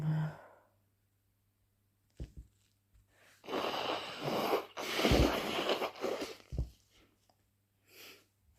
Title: Super messy sneeze plus blow